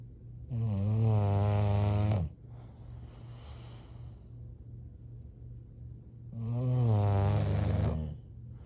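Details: Sleeping English bulldogs snoring: deep, rattling snores on each in-breath, about one every six seconds, with quieter airy out-breaths.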